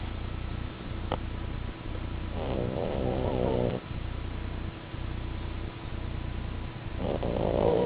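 Steady low rumbling breathing with fluttering snorts at intervals, over constant background hum; snoring from sleeping flat-faced dogs.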